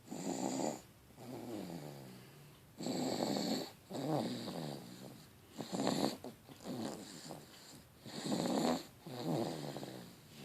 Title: Snoring baby